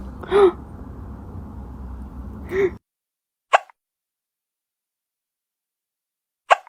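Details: Hiccups in a tiny cat after eating its food too fast: short, sharp catches a few seconds apart, separated by silence.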